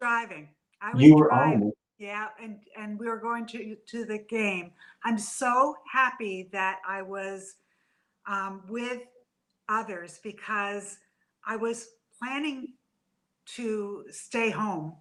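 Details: Adult woman with aphasia after a stroke from a brain AVM about three to four years earlier, still in speech therapy: aphasia.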